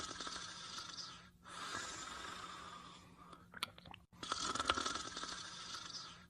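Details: Snoring during sleep: long, rasping noisy breaths separated by brief pauses, with a faint steady hum in the background.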